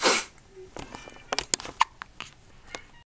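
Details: A single sharp sneeze from a baby boy who often gets hiccups, followed by soft clicks and rustling.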